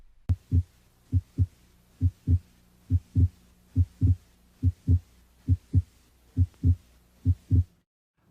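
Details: Normal heart sounds heard with the stethoscope diaphragm at the pulmonic area during an examination demonstration: regular paired sounds at about 70 beats a minute, S2 louder than S1.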